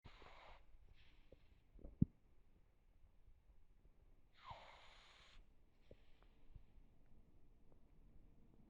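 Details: Pug falling asleep, relaxed: soft snorting snore sounds with each breath in a quiet room; light snoring in a sleeping small dog.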